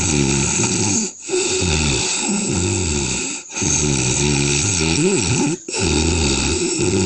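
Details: Adult man snoring in a comedy clip, likely exaggerated or performed: long, loud, groaning and snorting snores with brief breaks between them over a steady hiss.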